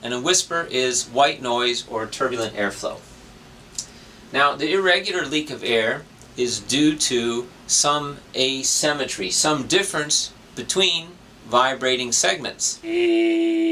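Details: Adult male speaker; ordinary speech.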